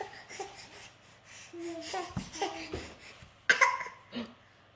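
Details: Baby imitating a cough: small, breathy, playful fake coughing sounds mixed with babbling and a laugh, with no sign of illness; voluntary cough.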